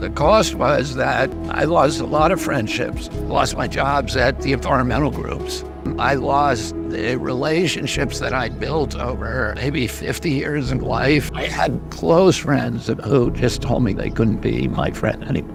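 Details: 70-year-old man with spasmodic dysphonia, a neurological voice disorder (he calls it spasmodic dystonia) that began at age 42.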